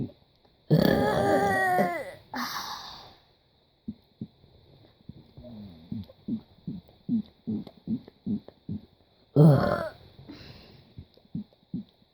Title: Me burping for 1+ minutes